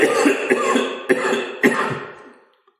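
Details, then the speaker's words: An adult male preacher coughs during a sermon, then apologizes, calling it a cough of indignation. "Pardonnez-moi, ça c'est une toux d'indignation. C'est toujours comme ça quand j'enseigne que le Saint-Esprit est indigné."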